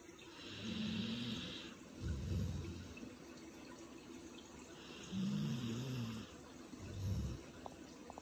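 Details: Sleeping yellow Labrador: soft, low rumbling snores with each slow breath, about two cycles in eight seconds, over steady running water background; ordinary sleep snoring.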